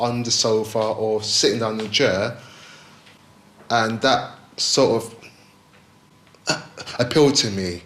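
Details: 28-year-old man from London who stammers; stuttering.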